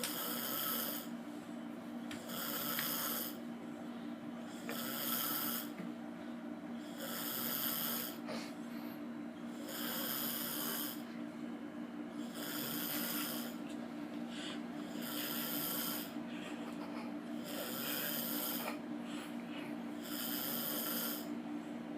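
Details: Steady, regular snoring with a rasping noise on each breath, about 12 breaths a minute, over a steady background hum.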